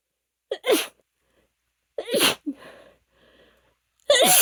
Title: Desperate powerful allergy sneezes (f) #female #allergies #sneeze